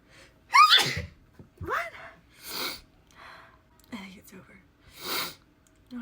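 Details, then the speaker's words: Repeated sneezing: a string of sharp sneezes with gasping breaths in between. "What is going on? And unicorn. Unicorn, which is wisdom. I have thoughts about this sneezing"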